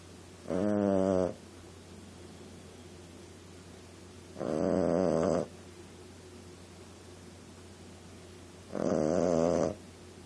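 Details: Female Boston Terrier puppy snoring while asleep: three loud, rattling snores about four seconds apart, roughly 14 a minute, with steady quiet between them.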